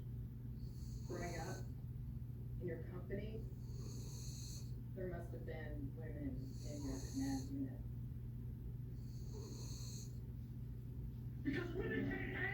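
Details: Steady low rumbling snore with occasional snorts from a sleeping French bulldog, while a Labrador dreams; television talk partly masks it. Ordinary snoring.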